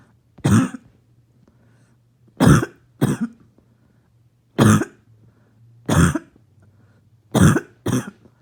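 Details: Barking cough: seven harsh, abrupt coughs, some in quick pairs, with a low steady hum in the background.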